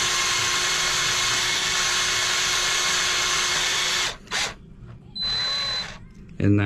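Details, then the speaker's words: Cadaver demonstration of a posterior tibial and flexor tendon transfer for flatfoot and foot-drop: surgical power drill runs over a pin in the bone for a 10 mm anchor, a steady high whir then stop-start bursts. "So now that you have that through, you can go ahead and use that to drill over. So we will use our drill here."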